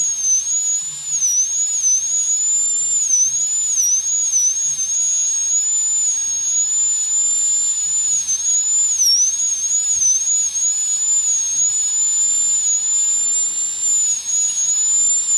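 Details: High-speed dental handpiece cutting the lingual side, mesial then distal, in a full metal crown preparation on tooth #46 in a phantom head: shrill, steady high-pitched whine that dips briefly in pitch as it cuts.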